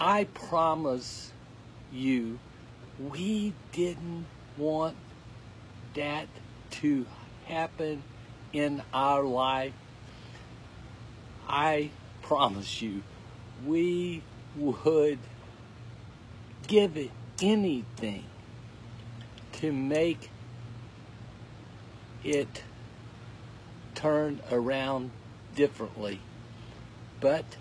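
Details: Adult male with aphasia who finds, orders and produces each word with great effort, and who could not talk at all eight weeks earlier: aphasia.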